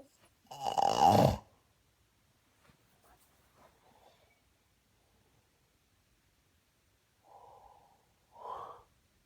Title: Snoring 11221963